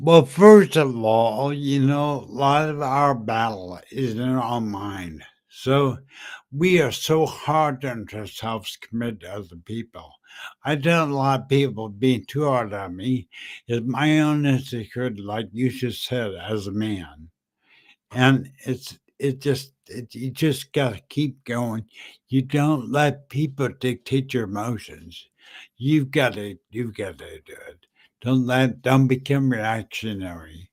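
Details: Adult man with slurred speech after a stroke in September 2015, which also caused aphasia and short-term memory loss; dysarthria.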